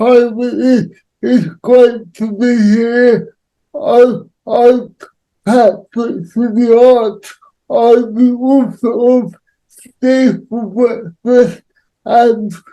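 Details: Adult man with cerebral palsy; dysarthric speech (cerebral palsy).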